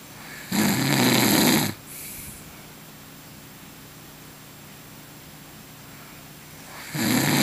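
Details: Adult man snoring in sleep: loud, harsh, rattling snores on the in-breath, with long quiet pauses between them.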